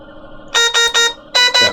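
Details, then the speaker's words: Newport HTC-70 ventilator in a training demonstration: loud repeating electronic beeps in a group of three, then two, a low-pressure alarm as the ventilator is not breathing against anything, with flashing light. "and then if something were to go wrong just as you saw there it's going to throw an alarm there's multiple alarms that we could have in high pressure low pressure and it's going to give us"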